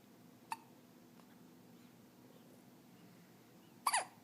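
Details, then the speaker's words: Hiccups in a 14-day-old baby girl: two brief sharp catches in a quiet room. "Oh. You got the hiccups?"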